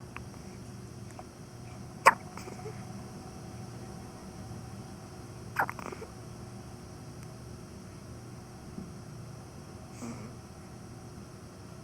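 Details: Hiccups in a preterm infant in the NICU, born at 32 weeks 6 days.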